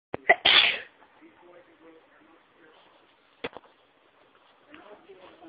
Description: Induced Sneezes that felt so good